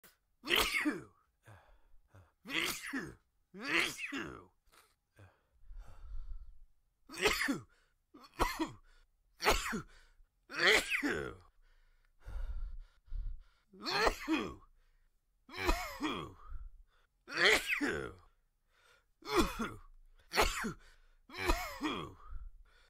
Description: A quick allergy sneezing fit I recorded.